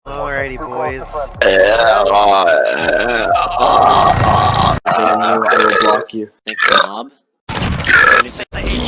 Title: Burp Compilation 2